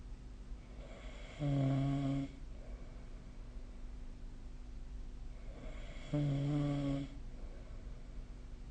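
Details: Ordinary snoring during sleep: two steady, droning snores about five seconds apart, roughly 13 breaths a minute, over faint room hum.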